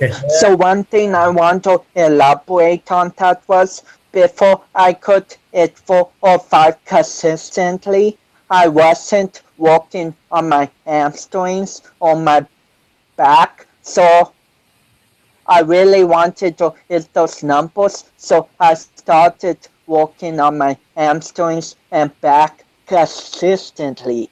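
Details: 25-year-old man with cerebral palsy since birth, which he says affects his balance, coordination and speech; doctors had told him he would never walk; real speech; dysarthria associated with cerebral palsy.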